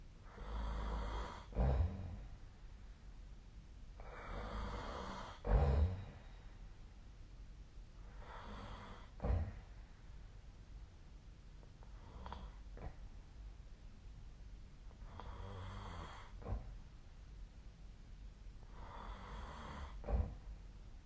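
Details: Snoring recorded with the SnoreLab app during sleep: rough, low snores on each breath at about 16 breaths a minute, with some snorting bursts.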